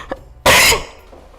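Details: Coughs from a compilation clip: cough.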